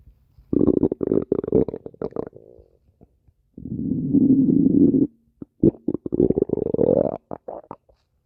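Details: Loud gurgling and rumbling bursts with bubbly, irregular pops; ordinary stomach growling (borborygmi).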